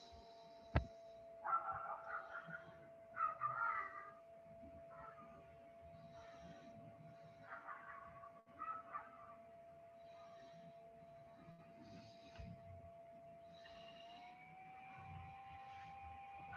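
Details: Short, repeated whimpering grunts with each breath from a small child with altered appearance, over a steady equipment tone: expiratory grunting, a sign of respiratory distress.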